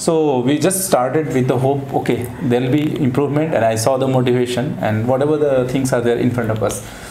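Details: Adult male speech-language pathologist; normal adult male speech.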